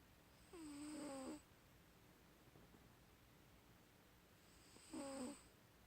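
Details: Two snoring breaths, each a rough, buzzing nasal-throat vibration with a faint whistle, separated by quiet pauses; snoring during sleep.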